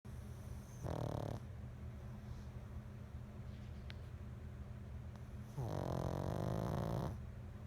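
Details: 8-month-old pug snoring: two loud, rattling breath sounds separated by a quieter pause.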